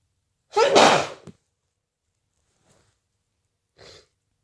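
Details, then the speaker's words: Person with a head cold: one forceful voiced sneeze, then a short pause and a brief blowing sound; a sneeze. "Oh, bless me. I need to sneeze. I need to sneeze. Bless me. I need to sneeze again. Bless me."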